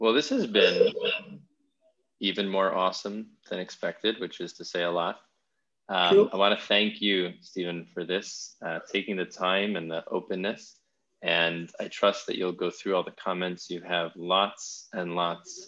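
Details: Adult man; Normal speech.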